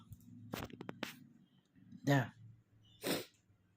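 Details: Male with a cold, unable to stifle his sneezes: some brief vocal noises, then two loud, explosive sneezes about a second apart.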